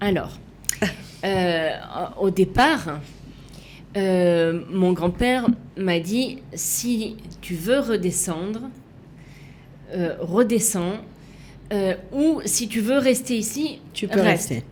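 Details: Aphasia in a woman, persisting after an accident with cardiac arrest requiring defibrillation and coma, with right-sided hemiplegia; for years she could not place her tongue correctly, and she spent 7 years relearning to walk and speak.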